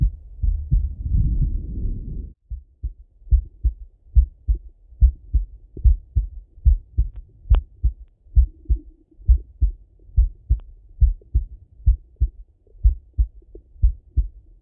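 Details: Male heart auscultation through a stethoscope, recorded either sitting at a desk or lying in bed: brief contact rustle, then regular low lub-dub heartbeats about 71 a minute; normal heart sounds.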